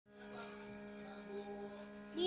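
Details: Child with cough and breathlessness from smoke haze caused by land burning, receiving a nebulizer treatment: steady mechanical hum with a constant high whine; nebulizer compressor running.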